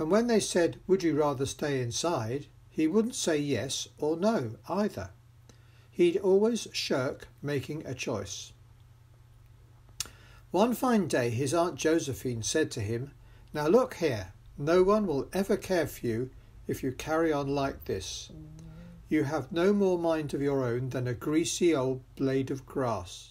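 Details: 75-year-old man with vocal fold atrophy after COVID-19, reading the 'Rat' passage a second time; vocal fold atrophy.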